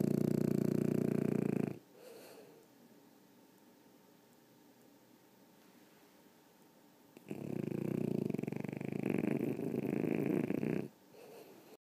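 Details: Snoring: two long, loud, rattling snores separated by a quiet pause, typical fluttering sleep snoring.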